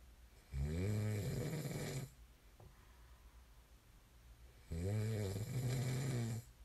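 Two long, loud, low rattling snores separated by a quiet pause; ordinary snoring in sleep.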